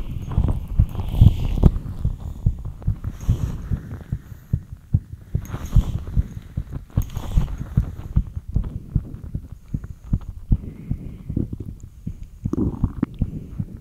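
Quick, somewhat uneven low thumping heartbeat with faint background hiss; a fast rate after light exercise.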